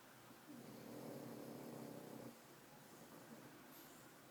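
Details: A sleeping pug gives one drawn-out, vibrating, rumbling breath lasting nearly two seconds, then quieter breathing against faint room hiss; snoring.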